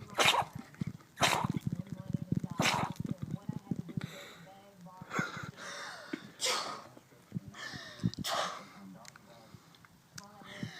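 A run of about six sharp, explosive sneezes within ten seconds, with snorting and sniffing between them.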